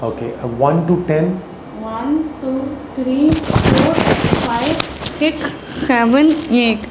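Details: Young adult woman born with cleft palate, after 3 surgeries (pharyngoplasty or pharyngeal flap, buccal flap), small residual fistula, soft palate and uvula not closing against pharynx, counting before planned speech surgery; severe hypernasal speech, velopharyngeal incompetence.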